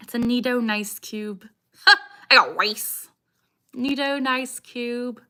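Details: Young woman with Tourette syndrome; vocal tic "I got rice" interrupts her speech, plus repeated phrases; Tourette syndrome vocal tic.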